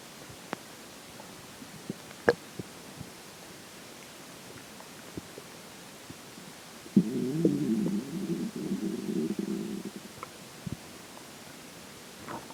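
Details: Faint clicks, then a low gurgling growl of about three seconds: stomach growling during digestion, recorded after water and air intake.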